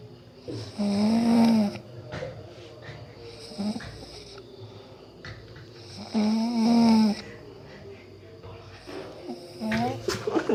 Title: Video lucu bikin perut sakit. Tidur ngorok